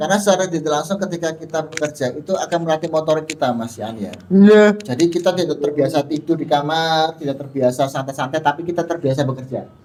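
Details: Adult male speaker; normal speech.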